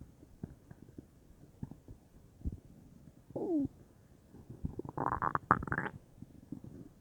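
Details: Bowel sounds (borborygmi); the person was unsure whether they came from stomach or intestines, with the whole belly feeling bubbly: soft gurgles and bubbling rumbles, then a louder run of gurgling near the end.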